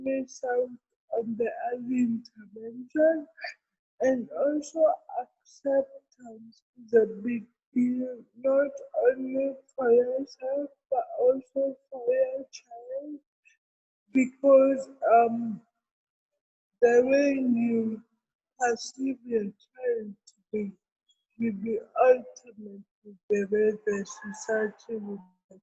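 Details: Adult woman with cerebral palsy present since birth, speaking in an interview: dysarthria (cerebral palsy).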